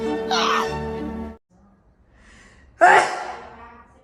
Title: Girl Allergy Sneeze 3